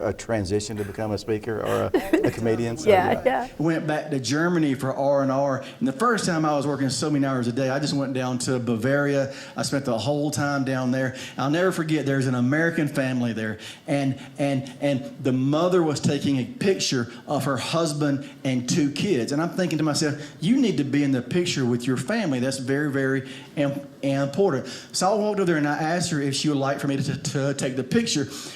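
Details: Stuttering in an adult man who has stuttered for 47 years.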